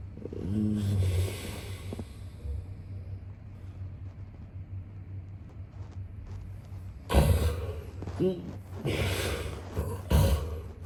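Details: Snoring sound-effect recording of a man sleeping: low rumbling snores with snorting bursts over a steady hum.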